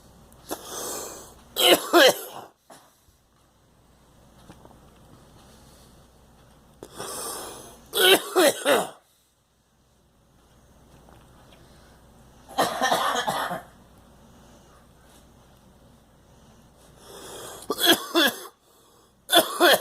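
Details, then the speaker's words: Adult coughing after swallowing coffee the wrong way: repeated harsh cough bursts and throat clearing following aspiration. "Yeah. Swallowed the coffee wrong."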